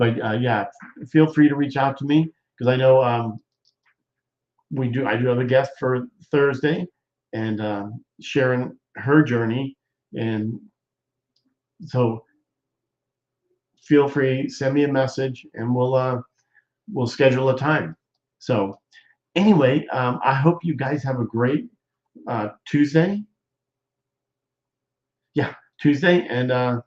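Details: Aphasia in a male who appears to be a stroke survivor, with hesitations and word-finding pauses; he says doing his show is therapy for his aphasia.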